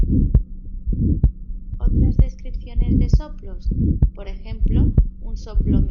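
Regular heartbeat about 64 a minute, with a harsh, rough murmur filling the space after each first sound: the systolic ejection murmur of aortic valve stenosis.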